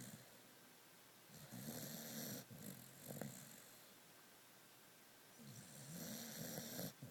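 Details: Snoring during sleep: two long rattling, buzzy breaths about four seconds apart, with a quieter pause between.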